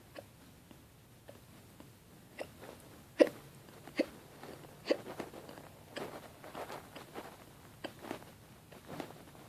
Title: Bad hiccups